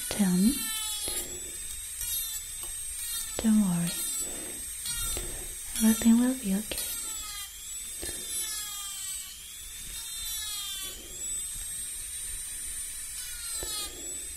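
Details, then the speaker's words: Simulated dental cleaning in an ASMR dentist roleplay, removing dirt between the teeth: high whirring and scraping tool sounds with soft mouth noises; imitation dental cleaning instrument sound. "I'm going to remove all the dirt that are between your teeth."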